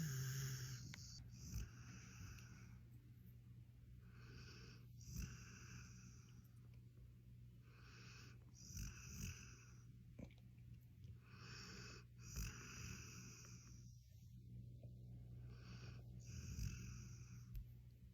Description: Adorable Snoring Sounds from a Sleepy Pitbull #dog #pitbull #sleepydog #snore #fok